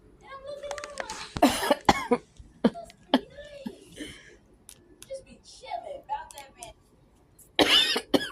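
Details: Several short, harsh cough bursts from an adult who says they are not feeling well, mixed with quiet talk and room noise; an ordinary cough.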